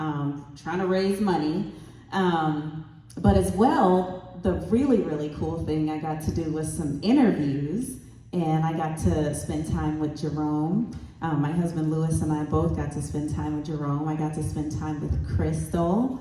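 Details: Adult woman speaking; Normal fluent speech.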